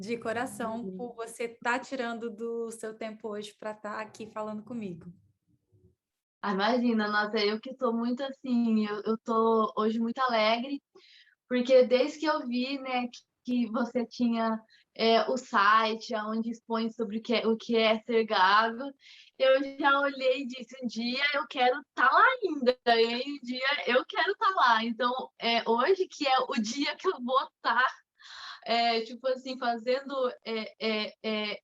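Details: Adult woman, Portuguese speaker, with mild stuttering beginning around age two and a half to three; word repetitions heard; stuttering.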